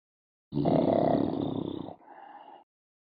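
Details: Snoring: a loud, rough, rattling breath lasting over a second, then a softer tail.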